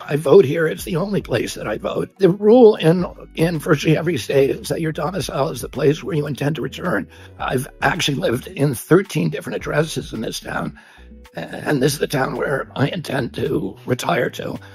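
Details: Adult male political figure (Robert F. Kennedy Jr.), real speech, said by narrator to have spasmodic dysphonia, described as a loss of his voice; spasmodic dysphonia.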